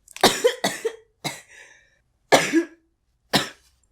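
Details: Compilation of old recordings of an adult with five short, sharp coughs in separate bursts in a quiet room, some ending in a brief voiced catch; the person says they feel sick and mentions cough syrup; cough.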